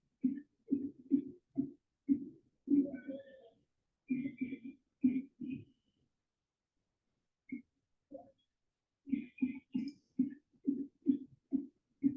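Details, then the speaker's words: Example recording of whooping cough (pertussis) played during a pediatric webinar: a paroxysm of rapid staccato coughs, so hard that a deep breath can't be taken, with brief high-pitched indrawn whoops between bursts. "Basically, it's that paroxism of cough. Kind of like when you're choking on something and you're just coughing so hard that you can't even get in a deep breath."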